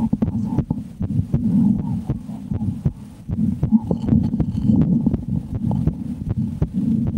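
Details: Adult woman's resting heartbeat heard through a stethoscope: steady, muffled, sharp thumps over a constant low rumble at a calm rate, a normal heartbeat.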